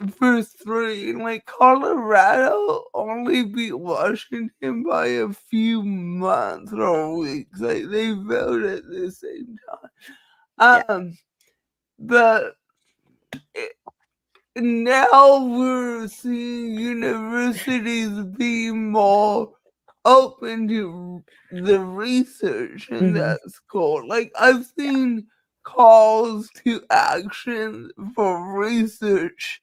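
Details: Adult woman with cerebral palsy, which she says is why she talks this way and that nothing can be done about it; dysarthria (cerebral palsy).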